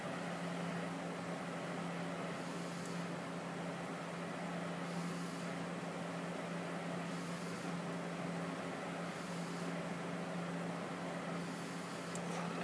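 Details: Respironics BiPAP Synchrony non-invasive ventilator (NIPPV) on a patient breathing via face or nasal mask: steady machine hum with gentle airflow swells every couple of seconds, synchronized with spontaneous breaths.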